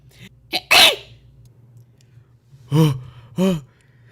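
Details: Three sneezes, a sharp explosive one followed by two shorter voiced sneezes, each with an audible in-breath before it; sneezing.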